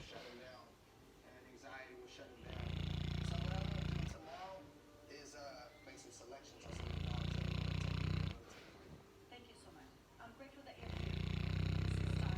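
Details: Female Boerboel (mastiff) on a relaxing afternoon nap: loud, deep, rattling snores on each breath in, quieter snuffly breaths out, about 14 breaths a minute; heavy snoring.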